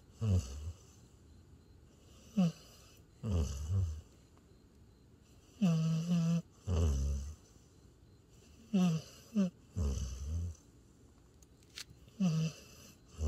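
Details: Border collie–Australian shepherd mix, tired after a hike, asleep in owner's arms by a campfire outdoors; loud rumbling snores about 17 per minute, some with a rattling snort, uneven timing; dog snoring.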